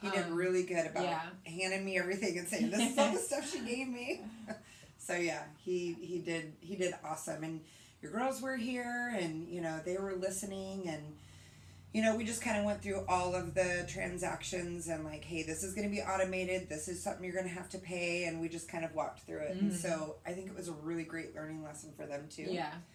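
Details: Adult woman speaking; normal speech.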